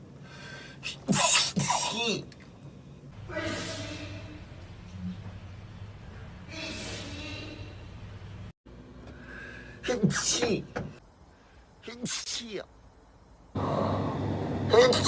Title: from SF9 sneeze updated sneeze compilation #sf9 #sneeze #kpop